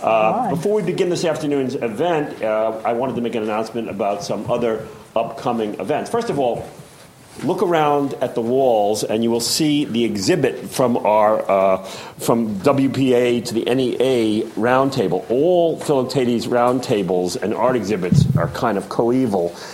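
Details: Adult male speaker; typical speech.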